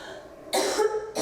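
A single short dry cough after a held deep breath, nothing brought up, in a lung transplant recipient.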